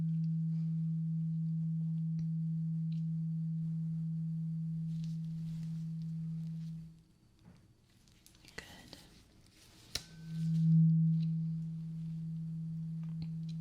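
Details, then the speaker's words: Steady low pure hum of a struck tuning fork fading away, then struck again, used on both ears in a role-played ASMR hearing test; listener asked to say when the sound stops. "I have a tuning fork. And I'm going to be using a tuning fork on both of your ears. It's going to sound like that."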